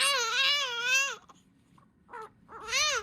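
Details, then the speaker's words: Newborn's first cries after delivery in a hospital: a strong, high-pitched wailing cry with a pause for breath before the next cry. "BY THE TIME YOU HEAR THOSE FIRST CRIES, YOU ALMOST FORGET IT ALL STARTED HERE."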